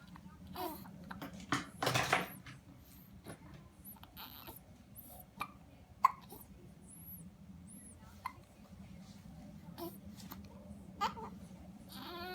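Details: Twins having a battle of the hiccups, with a few sneezes: several sharp, brief catching sounds scattered among soft voices and room noise, fitting hiccups.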